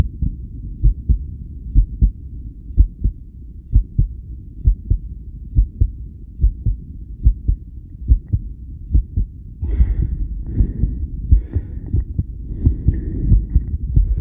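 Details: Self-recorded via homemade electric stethoscope during 10-lead ECG after regulated breathing: strong low heart thumps speeding up partway, rhythm changes attributed to breathing and CO2; tachycardia with extrasystoles.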